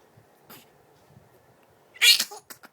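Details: A faint snuffle, then one sharp hissing sneeze burst with a couple of small snorts after it in a quiet room, followed by "Alhamdulillah"; a sneeze.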